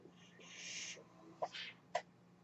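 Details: Breathy whoosh of delivered air, then sharp valve clicks and a short exhaust hiss over a low steady hum: one breath cycle from the podcaster's own home mechanical ventilator.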